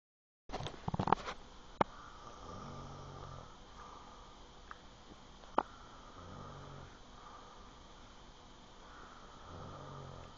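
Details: Father asleep, with soft, low, rumbling breaths repeating every few seconds and a few clicks at the start; quiet snoring.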